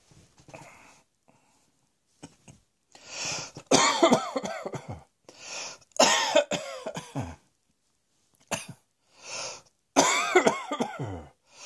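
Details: Repeated bouts of harsh coughing with breaths drawn between bursts, in a small quiet room; cough.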